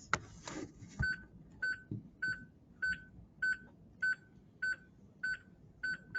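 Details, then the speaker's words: Simulated training demonstration of a Defibtech Lifeline View AED with pads applied: after "shock advised", a steady run of short, high beeps about 100 a minute as it charges before shock 1 is delivered. "shock advised charging press flashing shock button shock 1 delivered"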